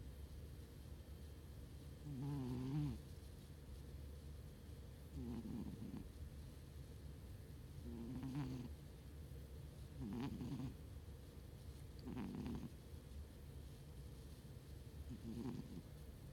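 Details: Cat snoring while asleep: soft, rhythmic rattling snores, about six breaths over sixteen seconds, with steady background hum.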